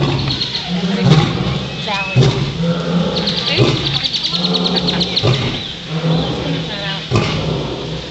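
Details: Coughing sounds from a lion.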